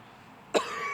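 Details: Single short, sharp cough burst from an adult in a quiet room; he says he has gotten himself sick this week and has felt worse.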